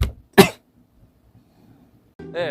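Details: A single sharp sneeze from a K-pop singer, then quiet, then the start of a voice.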